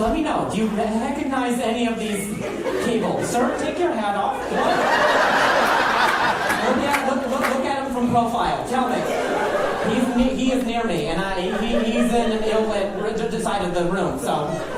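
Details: An adult male comedian performing stand-up, with a severe stutter for over 10 years that he ties to his anxiety level and links to a traumatic brain injury from a softball hit to the throat; stuttering.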